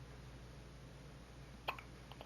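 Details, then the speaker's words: Hiccups in a 4-day-old newborn girl just home from the hospital: a single sharp, brief catch against a steady low room hum, then faint softer clicks. "You got the hiccups? Oh, yep. It was like she was going to say something."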